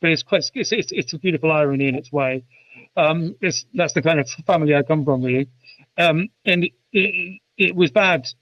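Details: Adult UK male with a stammer since about age 5, intense for 20 years, who had speech therapy at about age 24; genuine stuttering.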